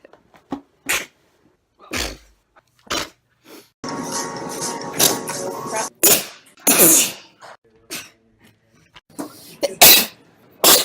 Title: SNEEZA sneeze compilation